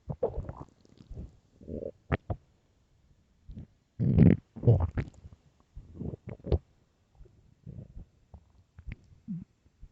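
Low gurgling, rumbling bursts of varying length; ordinary stomach growling on an empty stomach.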